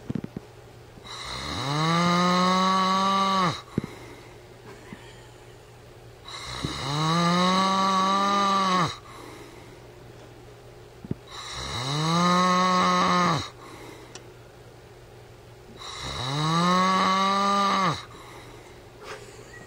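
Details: Adult man (husband) snoring: loud, rough, drawn-out snores on each breath in, about 13 a minute, with quiet breathing out between them.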